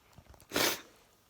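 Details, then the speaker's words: Indoors, a person who has been sneezing again despite an air cleaner, unsure why (maybe tired), takes a few short breaths in, then gives one sharp, hissing sneeze. "dude back inside again and the sneezy snap and the sneezing it started again but i have an air cleaner so i have no idea why i'm sneezing"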